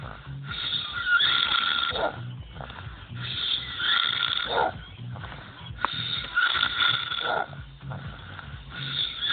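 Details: Loud, rough, rattling snores with a whistling edge repeating about every two to three seconds; noisy snoring.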